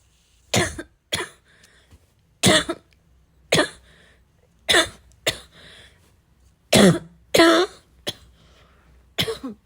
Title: my chest really needed a good coughing fit